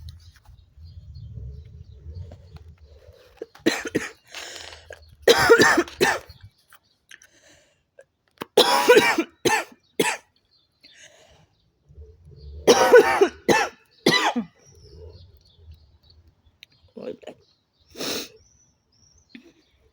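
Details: Woman smoking a cigarette and coughing throughout, repeated bouts of harsh coughs in clusters with quiet breathing between and low background rumble; smoker's cough.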